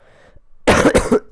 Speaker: I do apologize for my coughing and if you can hear the fan of my laptop in the background